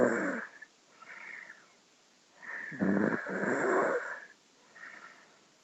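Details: Loud snoring: harsh, fluttering snores alternating with quieter whistling breaths in and out; loud snoring with some high-pitched noise.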